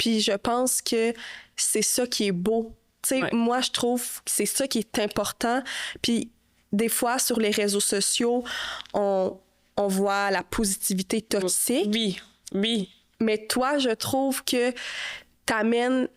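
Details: Adult woman speaking Canadian French; typical speech.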